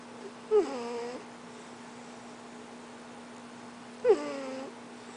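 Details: Pet's cute snoring sound, recorded June 27, 2009.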